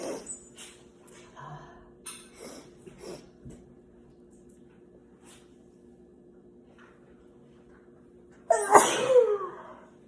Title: Turkey day sneezes